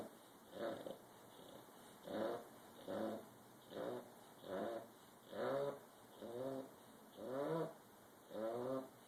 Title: Bulldog snoring